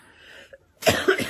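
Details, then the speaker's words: Ill adult woman coughing while packing orders, mentions sleepless night: after a quiet start, a burst of two or three harsh, loud coughs. "Ixi, Maria. Tossindo nas roupas dos outros."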